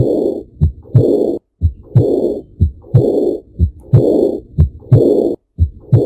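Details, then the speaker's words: Regular heartbeat near 60 a minute with a rushing murmur filling the longer diastolic pause while the shorter systolic interval stays clear; a diastolic murmur in a teaching recording. "diastole Veja compare que o intervalo sistólico aqui ele é menor e ele está livre então O sopro é na de asle"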